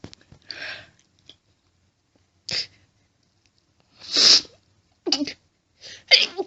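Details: Female, intense fit of deliberately stifled sneezes that make her nose itchy: a rapid run of five or six quick, sharp, harsh sneeze bursts, several stifled, with short silences between.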